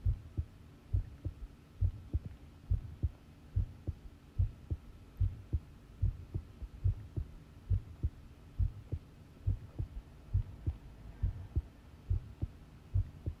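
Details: Long-duration heart sound recording of a person listening to their own pounding heartbeat: steady, regular low thumps at about 69 beats a minute with a faint steady hum behind; normal heart sounds.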